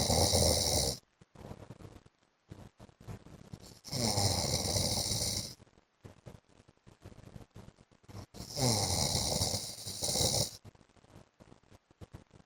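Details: A wife records her husband snoring in his sleep: three long, loud, harsh bursts of snoring with snorting, separated by quieter, irregular breathing noises; heavy snoring.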